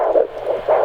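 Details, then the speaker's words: Doppler on a pregnant woman's abdomen in her second pregnancy: rapid whooshing fetal heartbeat pulses in the 160s per minute, a normal rate; fetal heartbeat on Doppler. "do you hear it you hear there's a heartbeat it's you and the baby together"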